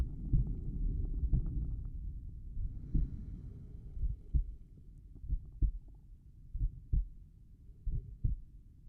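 Slow, soft, deep heartbeats with some rubbing noise early on; a normal slow resting rhythm over the tricuspid area.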